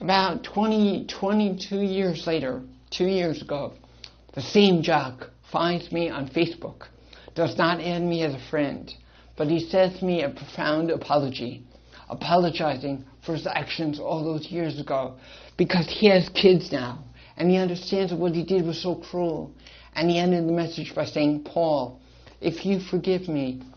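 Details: Adult man born with cerebral palsy and associated hearing loss; speech with cerebral palsy and hearing loss.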